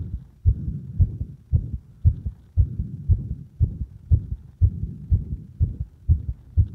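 Regular low heart sounds at about 59 beats a minute, two sounds per beat, heard at the apex with firm stethoscope pressure; a normal finding.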